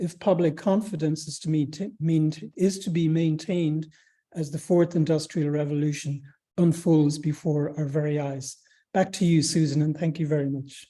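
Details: Adult speaker; ordinary speech.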